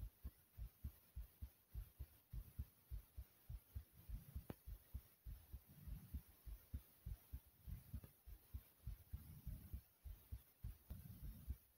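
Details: Fast, regular thumping heartbeat at about 100 beats a minute, recorded after jumping in place for a few minutes to make the heart race; tachycardia after exercise.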